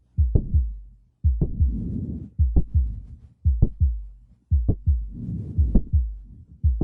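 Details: Mitral valve prolapse on cardiac auscultation: slow regular heartbeat about 57 a minute, with a sharp mid-to-late systolic click followed by a late systolic blowing murmur.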